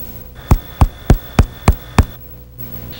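Five evenly spaced percussion taps with a clear, ringing, hollow note: hyperresonant chest percussion. A voice starts at the very end.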